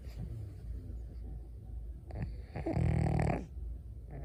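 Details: Pug snoring while asleep in its owner's arms: low rattling snorts and one loud, rough, buzzing inhaled snore; noisy breathing through a narrowed airway.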